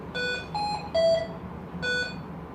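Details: Ventilator being set up for backup pressure-control ventilation after its parameters are confirmed: four short electronic beeps at varying pitch over faint room noise, an alarm or prompt signal; ventilator alarm.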